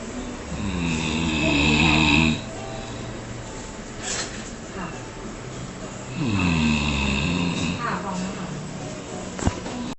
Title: zaza snoring